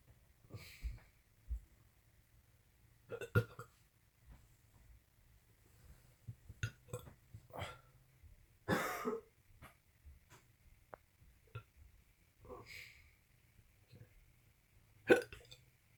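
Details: An adult with constant hiccups for 3 days, after an earlier episode over a week before, not helped by medicines: repeated short, abrupt throat sounds every second or two.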